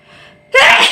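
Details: A faint in-breath, then a single sudden, forceful sneeze, recorded for a nose sneezing challenge.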